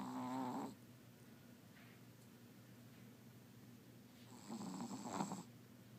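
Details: Sleeping Chihuahua, dreaming, snoring very loudly: two brief snores, one at the start and one near the end, with quiet breathing between; snoring.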